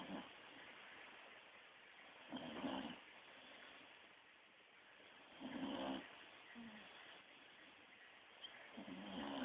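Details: Staffy dog named Red snoring while asleep, quieter than usual: soft, irregular snoring breaths, about three audible snores over low room noise.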